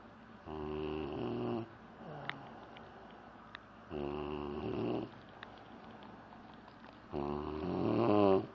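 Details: Snoring: three steady, buzzing snores at about eighteen a minute, each lasting about a second, with quiet breathing and faint room noise between.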